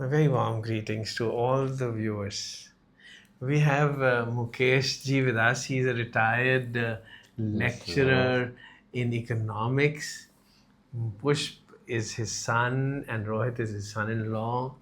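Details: Adult male speaker; ordinary speech.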